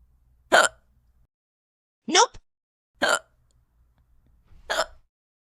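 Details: Simulated cartoon hiccups voiced for the character Pencil during a kindergarten class numbers lesson: four sharp, abrupt voiced hiccups at irregular intervals over about five seconds.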